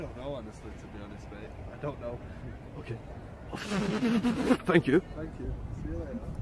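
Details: Adult speaker; fluent speech.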